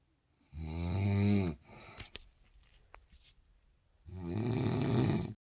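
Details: Adult woman (mother) snoring: two loud, rattling snores on breathing in, separated by a quiet pause; heavy snoring.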